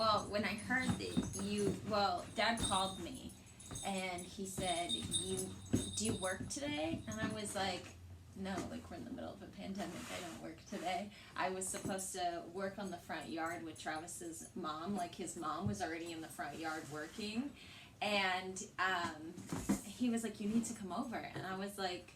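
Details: Adult woman; typical speech.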